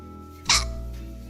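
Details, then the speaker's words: A single sharp, abrupt, involuntary hiccup from a streamer over soft background music, after which the streamer remarks, "Oh, did I hiccup? I guess I hiccuped." "Oh, did I hiccup? I guess I hiccuped."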